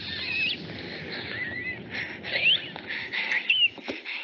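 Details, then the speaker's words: Recording of a person wheezing: high-pitched whistling squeaks over a hissing background, a wheeze from narrowed airways. "and that sound is actually a person wheezing we're going to play it for you again and see if you can pick up on that"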